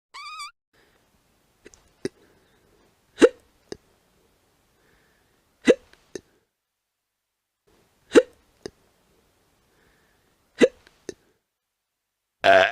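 Five sharp hiccups about every two and a half seconds, each followed by a soft click, in near silence. Sound-effect recording.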